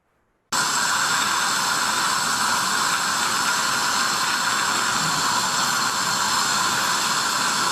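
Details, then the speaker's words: Loud, steady spray-like hiss starting abruptly, from a piezoelectric ultrasonic scaler on the upper left quadrant at power setting 4.5, mirror and high-volume evacuation near the tip; piezoelectric ultrasonic scaler at high power. "I also wanted to illustrate the aerosol production, so I increased the power setting to 4.5."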